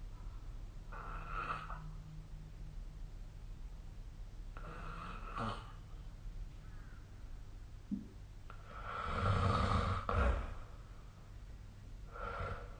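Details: Snoring recorded with a snore-tracking app during sleep: rough, rattling snores every few seconds with steady low room hum between them.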